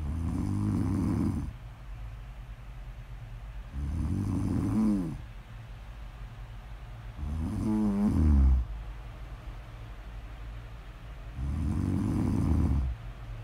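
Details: A person asleep, recorded as snore-audio ASMR: slow, regular, rattling snores on each in-breath, roughly 16 a minute, with quieter out-breaths between them; snoring.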